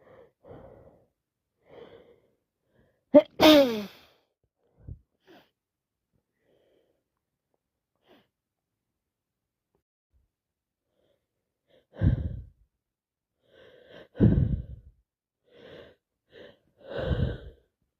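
One loud sneeze burst amid quiet breathing sounds, followed later by several short nasal blowing or sniffing bursts; sneezing with a head cold.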